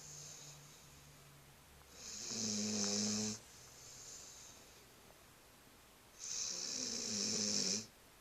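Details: Sleeping pit bull puppy snoring: two long buzzing, whistling snores on inhalation with quieter breaths between.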